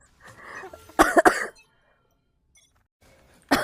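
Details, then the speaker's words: Girl with a very bad cold, voice gone and sore throat, coughing while gaming on a live stream: a quick cluster of three sharp, dry coughs, with another cough starting at the end. "감기가 아주 세게 걸려가지고 기침소리 많이 드리고요"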